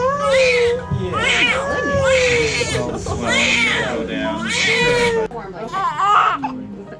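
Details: Several rising-and-falling wails from a newborn baby girl shortly after a successful VBAC (vaginal birth after caesarean) delivery, with music playing over them; an ordinary newborn cry.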